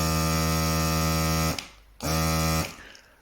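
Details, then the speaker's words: Steady, low buzzing pump hum in two bursts with a short pause, like a car tire pump: a battery-powered membrane-and-valve nasal aspirator for babies and small children running. "this the overall noise level is actually lower than this but it's a different type of noise and some children do not support it don't stand it don't like it but this one way louder so there's that"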